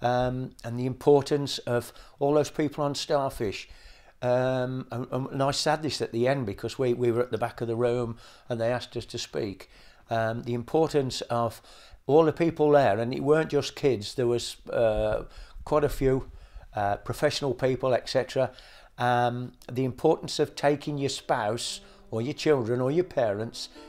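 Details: Adult man speaking; ordinary fluent speech.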